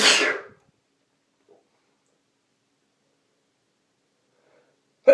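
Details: Sneezing from a male: one loud, forceful sneeze, then silence and the start of another burst at the end.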